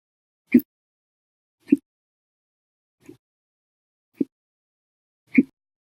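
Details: Five abrupt, sharp hiccup sounds about every second, roughly 50 a minute, one noticeably softer, against silence; an episode lasting 14 hours 16 minutes after meals and a cup of soda after dinner; hiccups.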